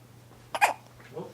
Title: Hiccup Harmony